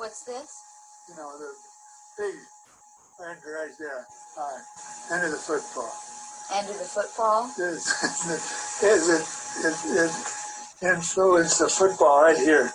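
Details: Example recording of a person with Wernicke's aphasia, caused by damage to Wernicke's area; audio slightly muffled.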